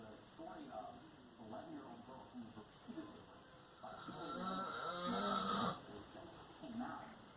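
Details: Adult man (father) asleep: quiet room with a soft, rough rattling snore on breathing in, louder near the end; ordinary snoring.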